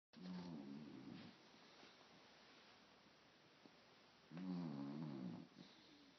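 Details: A sleeping puppy snoring loudly: two long, low, rattling snores about three seconds apart with quiet breathing between them; ordinary sleep snoring.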